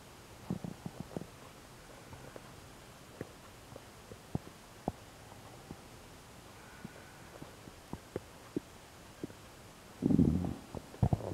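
Scattered soft clicks and gurgles, ending in a longer rumbling gurgle. These are active bowel sounds from the stomach and gut.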